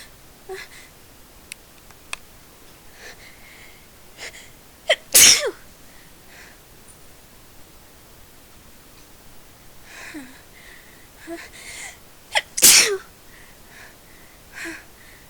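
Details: Attempt to sneeze thirty times in a row: two loud sneezes with softer sniffs and breaths between them, part of a long run of repeated sneezes.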